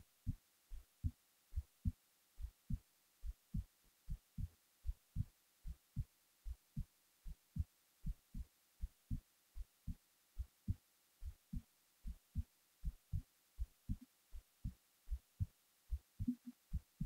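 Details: Steady, low, soft thumps at about 75 beats a minute against a quiet background, recorded while falling asleep; an ordinary heartbeat.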